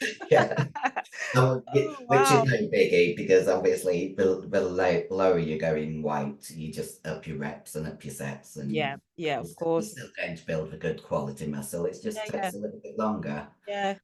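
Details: Adult female bodybuilder whose formerly very high-pitched voice became very deep after taking large doses of male steroids (performance-enhancing drugs); she can no longer sing; androgen-induced voice deepening (virilization).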